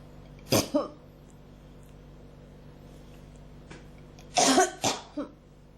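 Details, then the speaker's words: Person with a persistent cough and throat irritation, struggling to bring something up: two clusters of short, harsh coughs, about five in all, in a quiet room. "結構きますね、喉に。出そうでなかなか"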